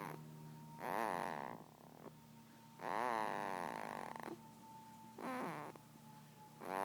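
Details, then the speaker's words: Little daughter snoring while asleep, said to snore like her father and probably drooling: soft, irregular, wavering snoring sounds on each breath, with a steady background hum. "Ronca igual o pai, com certeza tá toda babada."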